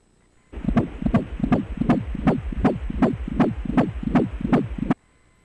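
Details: Rapid, regular whooshing beats at about 158 a minute: a normal fetal heartbeat on Doppler during an obstetric ultrasound of a 16-week pregnancy.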